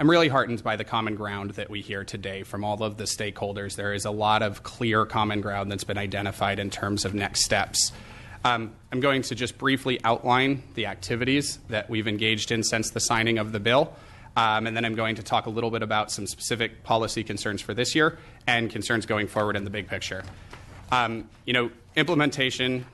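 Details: Adult male speaker; normal speech.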